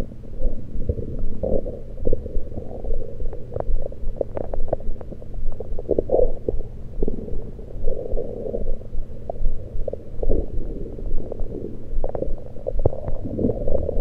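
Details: Continuous bubbling, gurgling stomach sounds with frequent small pops, recorded with a USB electronic stethoscope; only liquids taken at the time, cause unknown to the recorder: active bowel sounds.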